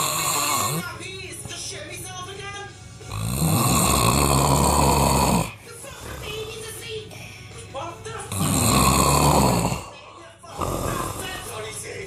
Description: Funny loud snoring